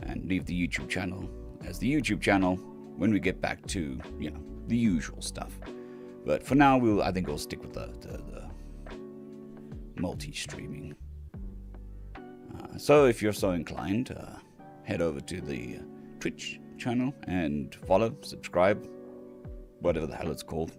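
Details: Person on day 2 of recovery stream after surgery; cords mostly healed but lacking strength and stamina, physiotherapy pushing the voice; rough, creaky voice, like laryngitis. Finding: postoperative dysphonia.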